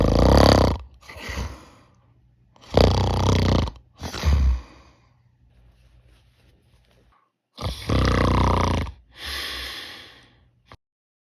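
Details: Imitated snoring while testing an anti-snoring device: loud, rough, low rattling snores in bursts, vibrating through both mouth and nose; minimal effect.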